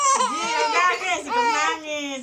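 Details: A baby cries with a loud, tonal wail that rises and falls in pitch.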